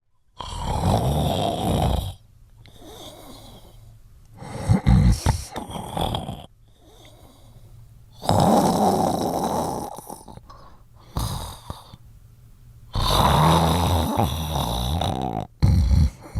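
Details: Three loud, rough snoring breaths, each about two seconds long, separated by quieter breathing; ordinary heavy snoring.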